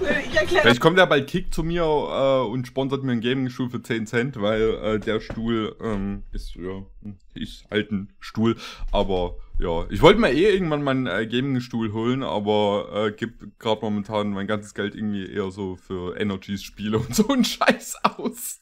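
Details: Adult man speaking German; normal speech.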